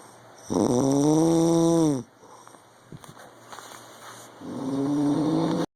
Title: My ARMY husband UGH SNORING